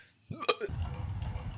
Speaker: I have hiccups bro I got [Music] hiccups oh man that was the worst that was the worst jump scare I have actual hiccups